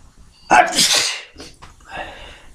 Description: Some tickly induced sneezes, quite forceful but my mic isnt picking up thee explosiveness for some reason, either way let me know if you like, if you like lol.